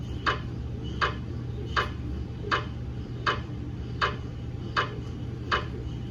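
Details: GE MRI daily quality-assurance scan using a head coil and a 150 mm head phantom, not a patient: regular sharp knocking ticks about 80 per minute over a steady low hum; MRI gradient noise.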